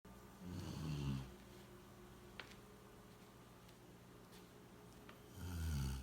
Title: 6 months golden retriever snoring 6月黄金猎犬10/16/2017